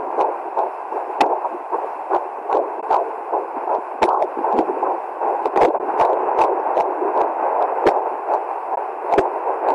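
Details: Home Doppler recording of a baby boy in the womb: rapid whooshing fetal heartbeat, about 150 a minute, broken by sharp, jolting thumps from fetal hiccups.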